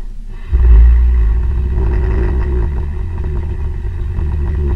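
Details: Hibernating black bear in its hibernaculum in Fairbanks, Alaska, recorded under infrared illumination: deep, steady low rumble of snoring during hibernation sleep.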